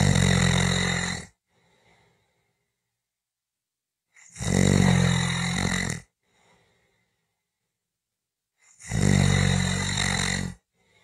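Three loud, harsh snores about every four seconds, separated by silence. Heavy snoring during sleep.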